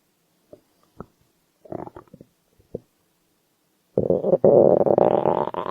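Scattered gurgles, then a long loud rumbling growl from the belly; ordinary hunger-type bowel sounds.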